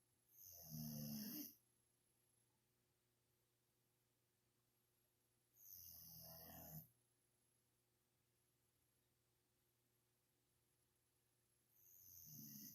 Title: Snoring Molly Dog